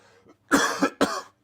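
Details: Adult man overcoming a cold, throat strained while speaking on a live show: two short, sharp, dry coughs in quick succession, the first a brief double burst.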